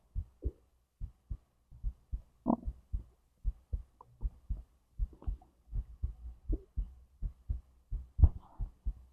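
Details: Own recording of heartbeat and digestion from stomach to intestines: paired low heart thumps at roughly 70 a minute with a few soft digestive gurgles; heartbeat with bowel sounds.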